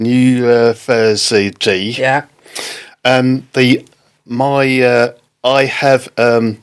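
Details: Non-fluent aphasia in an adult man, a father, after a stroke in October 2019; halting, non-fluent speech.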